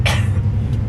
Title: Trendz cough